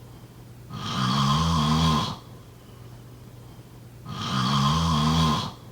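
Steady, deep buzzing snores on two breaths in about six seconds, quiet between them, over faint room hum.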